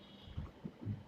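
Brief, low, dull thumps of a heartbeat over faint room noise. The second heart sound (S2) is a normal finding: the valves close at the end of the heart's contraction and the start of its relaxation.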